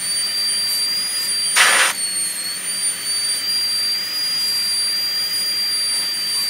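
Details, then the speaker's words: High-speed dental handpiece with a 330 bur making the initial amalgam-style cut of an MOD ceramic onlay preparation on tooth #18 of a typodont (simulated): steady high-pitched whine, brief grinding burst on contact. "I have in the handpiece right now a 3:30 bird we're going to switch over to our high speed"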